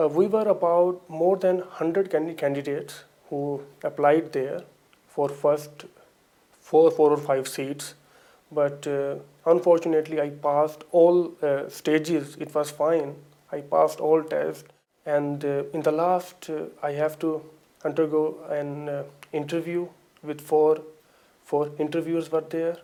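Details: Adult man with lifelong stuttering that persists on certain words and phrases, after about six to seven months of one-to-one speech and language therapy.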